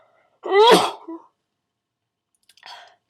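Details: One sharp, partly held-back sneeze with a rising intake before it, then a faint breathy sound, from a sneezer who starts out stifling and then sneezes full out. Sneezing.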